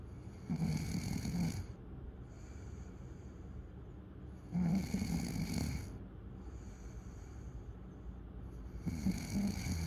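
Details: Loud, low, rattling snores on each breath in, about every four seconds, with quieter breathing between, during night sleep: snoring.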